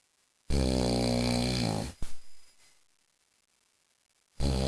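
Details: Husband snoring very loudly while asleep during a film: one long, low, rattling snore on an in-breath, a pause, then another snore beginning.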